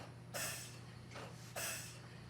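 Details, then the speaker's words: Mallard 2800 anesthesia ventilator. Two regular bursts of rushing air come about a second apart over a steady hum as the bellows cycle. "so when I turn this on you're going to see the Bellows push down for exactly one second"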